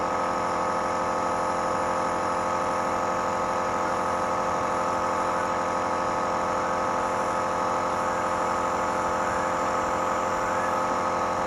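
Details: Nebulizer compressor running with a steady, unchanging buzzing motor hum during a breathing treatment for Uwais, who has a cough and cold.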